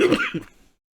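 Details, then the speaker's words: Adult feeling under the weather, describing it as an "old man cough": a single short, rough cough, a harsh burst followed by a smaller second push, then silence. "as you can hear that old man cough yeah I'm a little under the weather"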